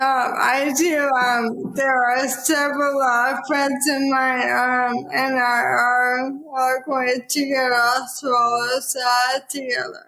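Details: Dysarthria in an adult woman with probable ALS, diagnosed in 2014 at age 33 after rapid onset (half Ironman to needing a cane within six months); about ten years since diagnosis; real speech.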